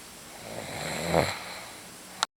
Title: oreo snores.